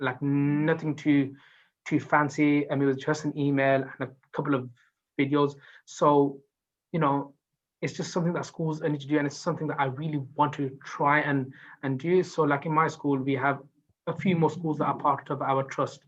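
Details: Adult teacher who stammers, who received no support for it until he self-referred at age 19; real speech; stuttering.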